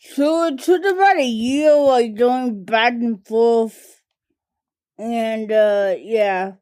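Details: adult woman diagnosed with cerebral palsy as a toddler, which primarily affects her speech and fine motor skills; dysarthria (cerebral palsy)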